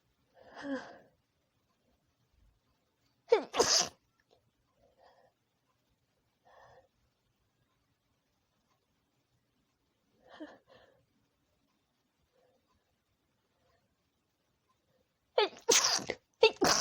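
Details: Female sneezing messily at night from a nose tickle: several sharp, explosive sneezes with quiet breathy pauses between.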